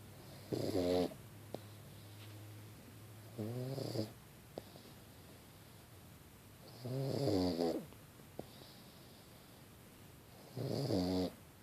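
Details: Loud, rattling snores in a slow irregular rhythm, four in about twelve seconds, with quiet breathing between; a sleeping pug snoring.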